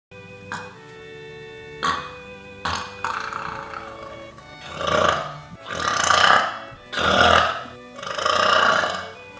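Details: A run of about eight deep, drawn-out, rumbling burps, the later ones long and loud, over background music; belching.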